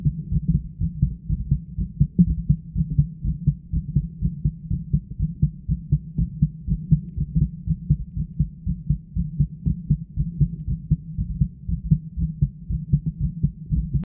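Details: Own heartbeat recorded with continuous pressure on the heart, steady and fairly regular low thumping at about 120 a minute with a faint hum.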